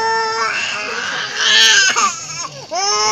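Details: Young child crying loudly in distressed wails with breaths during nebulizer therapy for a cough, being held and shaking his head; small room.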